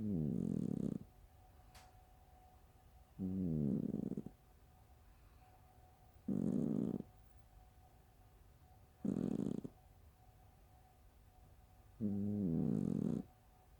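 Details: Ordinary snoring: five loud, fluttering, flappy snores about every three seconds, roughly 20 a minute, with a rattling, fart-like quality.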